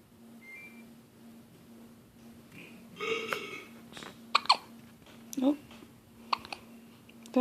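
Several short, sudden voiced hiccup sounds over a steady background hum, with a little nearby speech.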